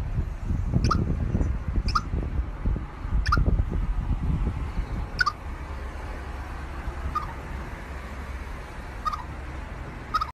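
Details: Hiccups in a squirrel, possibly from eating too quickly: soft, high-pitched chirp-like clicks about every one to two seconds, roughly 40 a minute, over low rumbling background noise.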